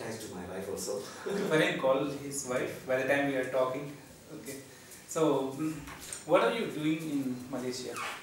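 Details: Adult male speaker, clinician; typical speech.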